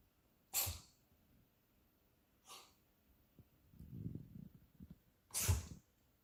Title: Cat Makes Herself Cough - Weird!